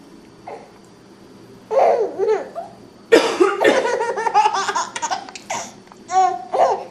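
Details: A mother's sharp cough bursts out among an infant's repeated giggles and squeals in a small room; a plain cough.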